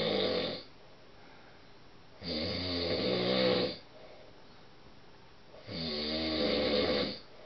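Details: Husband snoring, which he denies, recorded by his wife as proof; can be deafening: loud, rattling snores on each in-breath, about 18 a minute, with quiet pauses between; heavy snoring.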